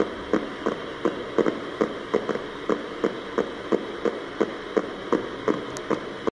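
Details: EMG recording showing brief discharges consistent with myokymia: myokymic discharges.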